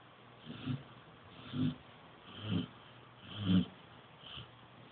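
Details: Snoring: soft, rhythmic snores, one with each breath, about five snores at roughly 60 a minute.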